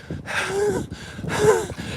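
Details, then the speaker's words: Two fast, heavy breaths during exertion while running laps, each with a thin whistling wheeze, from an adult man who had asthma as a child and reports slightly impaired lungs. "That's because I had asthma as a kid."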